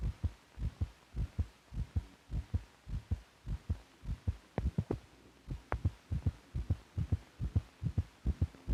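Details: Normal heart sounds from a 1950s(?) teaching film for doctors that records heartbeats alongside the heart's physical motion.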